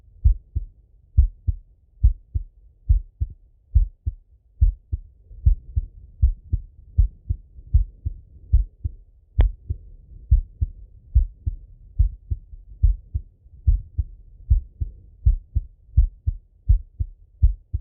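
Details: Full heart auscultation through a stethoscope on a male, recorded either sitting at a desk or lying in bed: regular lub-dub beats at about 70 a minute with one brief handling click, normal heart sounds.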